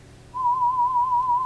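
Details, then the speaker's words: Steady, mid-pitched, slightly warbling 1,000 Hz pure tone from an audiometer during a sound-proof booth hearing test of a male patient with single-sided deafness who has used a BAHA BP100 for about 6 months. "we'll just do 1,000 Hertz and you kind of you're just doing the same thing you go at a level loud enough that you think be able to"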